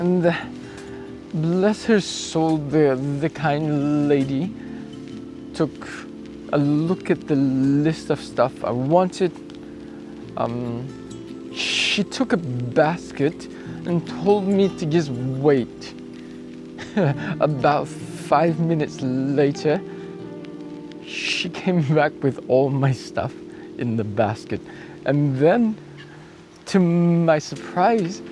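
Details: Acquired apraxia of speech in an adult male cyclist, starting a few days after a 14 December bike crash where he hit his head and blacked out; about two weeks on, he reports it is improving.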